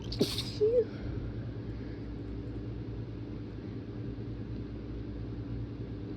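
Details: One brief, muffled sneeze burst early on, then quiet room noise; a stifled sneeze.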